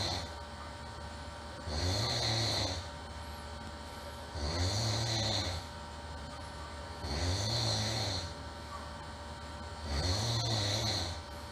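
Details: Loud, regular rumbling snores on each breath in, about four in eleven seconds, with a hissing quality and steady background hum; irritating human snoring.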